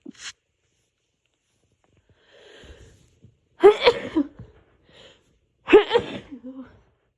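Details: Self-induced sneezes in a person recovering from a cold, with an itchy nose and voice not yet back: two forceful explosive sneezes, each preceded by a soft inhaled build-up, in a quiet room.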